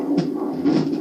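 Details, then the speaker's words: Angelsounds home fetal Doppler, probe pressed hard on the abdomen: low whooshing, pulsing fetal heartbeat, barely audible without firm pressure. "so I'm definitely applying some pressure you can't really see the uh transmitter so I'm pressing pretty hard but if you don't press hard you're barely going to hear"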